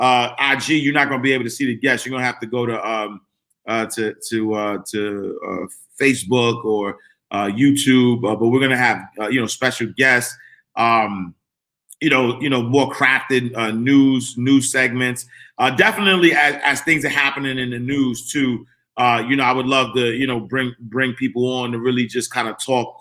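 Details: Adult man whose stuttering began in childhood and persists when he talks fast or is excited; he says it is occurring now.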